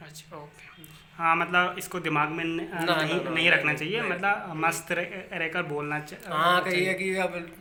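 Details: Hindi-speaking interviewer who stammers; stuttering.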